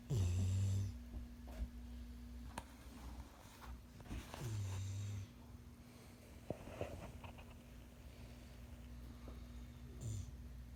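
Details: Snoring from a sleeping subject named Indy: low rumbling snores on inspiration over steady room hum; snoring.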